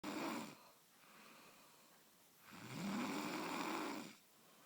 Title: the loudest snore from a kid